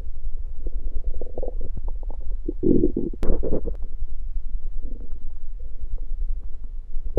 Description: This audio is a compilation of my stomach growling one night after fasting.